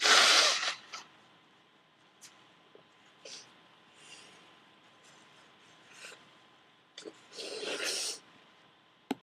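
Two forceful explosive sneezes, one at the start and one near the end, with quiet sniffing and rustling between, during a cold.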